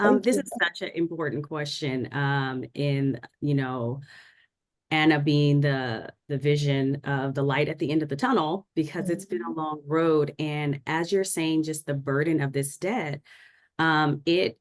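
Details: Adult woman; Normal speech.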